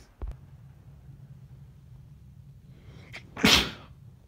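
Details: Sneezing on a train near the end of the journey during the worst hay fever ever, possibly a sneezing cold instead: a quiet stifled sneeze, then one loud forceful sneeze, with low rumble in the background.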